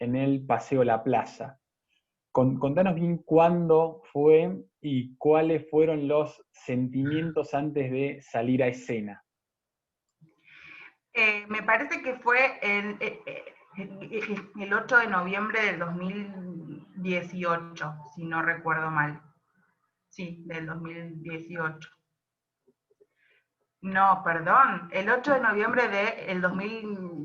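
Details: Adult woman who describes herself as a stutterer (tartamuda), speaking Spanish; stuttering.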